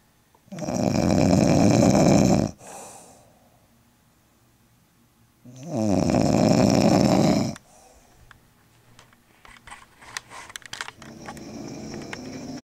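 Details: An aunt visiting for Thanksgiving snoring heavily: two very loud, harsh, rattling snores on breathing in, about four seconds apart, then quieter rustling; heavy snoring.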